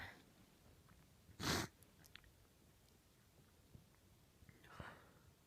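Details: Powerful uncovered sneezes from a female: one sharp, explosive burst of air, with a softer second burst near the end, in a quiet room.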